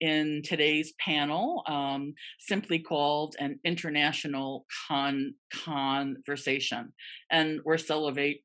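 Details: Adult man from the Netherlands who stutters, at times severely, and still finds his stutter hard to accept; long pauses between words suggesting blocks; stuttering.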